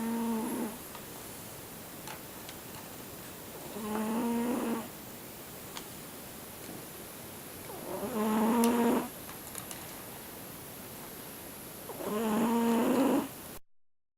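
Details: Siamese cat, an older male, snoring while asleep: four slow, buzzing snores about one every four seconds, with quiet stretches between; ordinary snoring.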